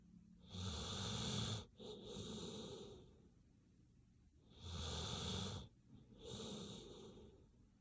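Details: Dog snoring while asleep, said to be entering REM sleep: slow sleep-breathing cycles with a loud rattling snore on the in-breath and a softer one on the out-breath.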